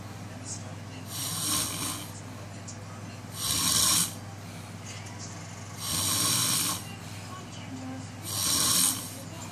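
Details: Four slow, regular, hissing, airy snore-like breaths from a frog, about one every two to three seconds, over a steady low background hum; snoring.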